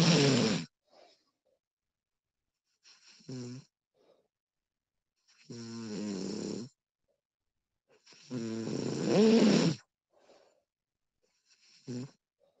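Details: Snoring recording of a sleeping woman: five loud rattling snores on inbreaths, spaced a few seconds apart, with quiet breathing between; ordinary sleep snoring.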